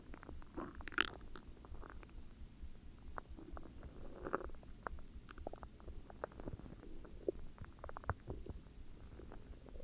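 Low gurgling rumbles with scattered soft pops and squelches from the belly; ordinary stomach growling.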